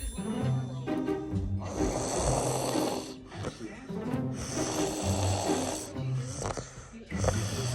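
Loud, rough, rattling snores repeating with each breath, with music playing in the background. Heavy snoring.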